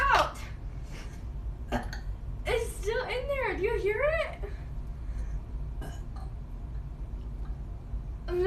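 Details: Person burps: a drawn-out, gurgling, voiced belch lasting about two seconds over low room noise; an ordinary burp.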